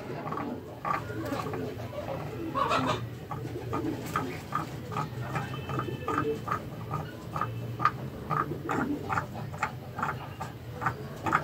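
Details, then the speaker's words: Nasal snorting (snuffling) in a turkey, described by its keeper as normal for turkeys; short repeated nasal snorts about twice a second over low background rumble. "الصبح في ايه مش عاجبك ليه الخنفره اللي عندها دي يا جماعه عادي الفراخ الهندي"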